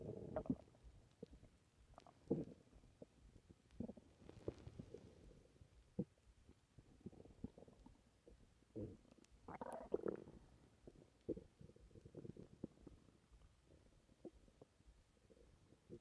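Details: Stomach noises after drinking a lot of milk: irregular, frequent, active gurgling and rumbling bowel sounds (borborygmi).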